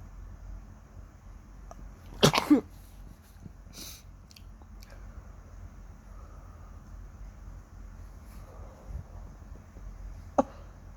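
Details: Itchy nose on waking in the morning: a quiet room with one strong double-burst sneeze, then a smaller sharp sneeze near the end; ordinary morning sneezing.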